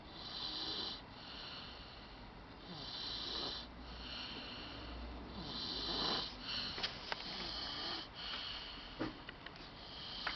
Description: This kid knows how to snore. Lol